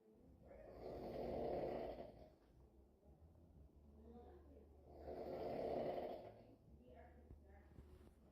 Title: Snoring is the ringtone in this house